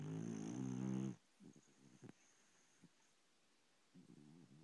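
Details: Pet dog asleep in the bedroom: a loud, low, rattling snore for about a second, then quiet with faint breaths and a softer snore at the end; snoring.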